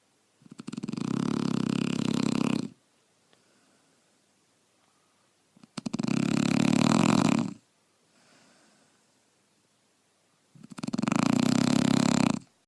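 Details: Shar Pei dog sleeping: three loud, rattling snores on the in-breath, each about two seconds, soft out-breaths between, about 12 breaths a minute; snoring.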